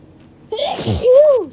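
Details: A single sharp hay fever sneeze followed by a short voiced sound.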